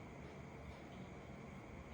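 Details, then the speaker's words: Steady, unbroken rumbling whoosh made by circling a stethoscope on the palm to imitate a continuous machinery murmur for murmur practice; continuous machinery murmur (imitation). "Continuous machinery murmur."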